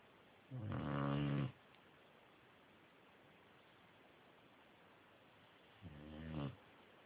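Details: A sleeping boxer dog snores, with two loud, rough, buzzing breaths about five seconds apart against quiet room noise.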